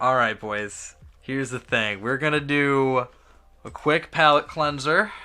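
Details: Adult male speaker; normal voice.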